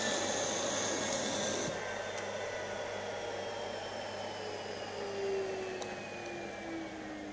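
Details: Nosiboo electric nasal aspirator running while drawing up 10 ml water and 10 ml strong hair gel as test secretions: steady whirring suction motor with a rasping, gurgling pulse; demonstration.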